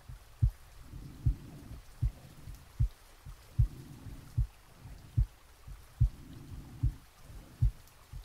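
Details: Real heartbeat recorded from an adult's chest while sleeping, with soft rain added: soft, regular heartbeat about 75 beats a minute with light rain-like hiss; normal heart sounds.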